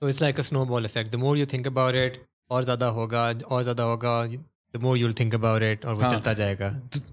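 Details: Adult man speaking; normal speech.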